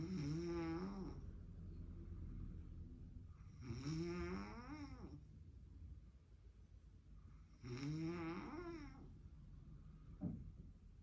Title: Snoring like a BEAST #shortfeed